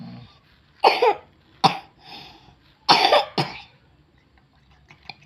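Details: Young girl with persistent continuous cough and vomiting of mucus, during a child massage; four sharp cough bursts in two close pairs with quiet breathing between; repeated cough.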